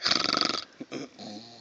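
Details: Dog sleeping outdoors by a campfire: a fluttering, rattling snore followed by softer snorting breaths, with outdoor background sound; snoring.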